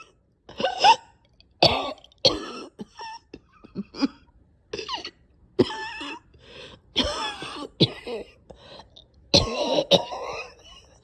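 Repeated harsh coughs and throat-clearing with strained, gagging breaths between bursts. A severe coughing fit with choking.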